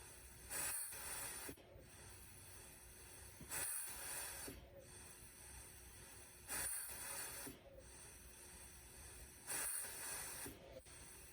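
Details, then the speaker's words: RespiraWorks ventilator rate-range test, rate just set from 10 to 20 breaths/min, before going to its 30 breaths/min limit; regular cycling hiss of air over steady hum; mechanical ventilator cycling. "We will now set the ventilator to 30 breaths per minute. And you will see that this is also the limit of the ventilator."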